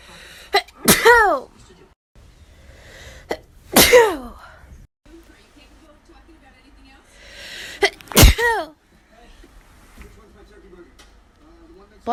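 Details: Child sneezing: three sharp sneezes, each a quick intake then a loud voiced burst, with quiet room sound between; sneeze.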